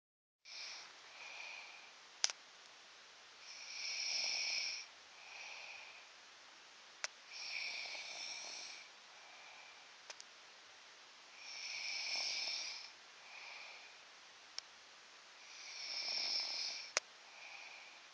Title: I snore hella loud! Wth